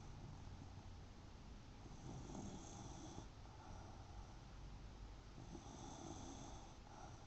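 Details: Soft, rhythmic snuffling snores over a steady background hum from a sleeping dog the owner calls "my son"; ordinary snoring.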